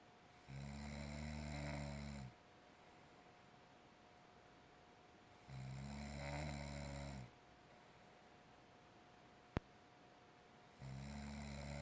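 Low, rattling snores with each breath in, about every five seconds, separated by quiet breathing out; regular sleep snoring.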